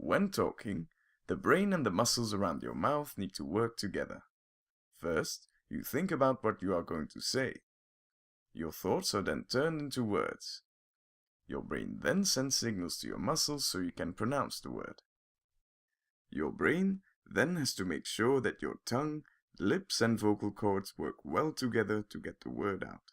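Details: Adult male narrator; typical fluent speech.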